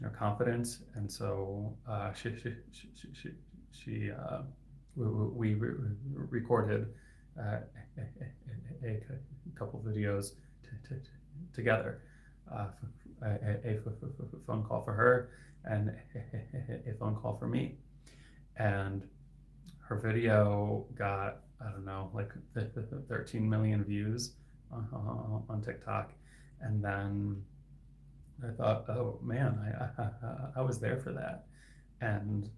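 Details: Adult male speech-language pathologist who has stuttered since age 8-9 (third grade); his stuttering is variable, with sound repetitions and hard blocks lasting 10-20 seconds; stuttering.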